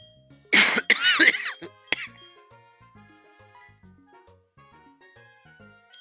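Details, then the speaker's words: A few harsh, wet coughs and a throat clear over quiet background music from a person with a congested, mucus-producing cough, blocked nose and recent nosebleeds. "I've been having like really bad coughs like I've been getting congested and like there's been mucus and my throat and stuff and I have had to like cough it up"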